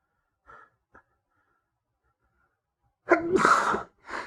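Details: Induced sneezing in a male, triggered via paper towel: a couple of faint catching breaths, then one loud explosive sneeze followed by a short exhale.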